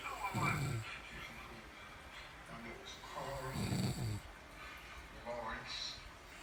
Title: CAUGHT HER SLIPPIN LOL SNORING AT ITS WORST!!!!